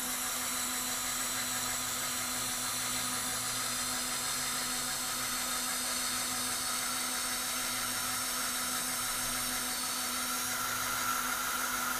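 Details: Steady high-pitched whine with a low hum underneath: a dental drill running during non-surgical placement of an anterior dental implant.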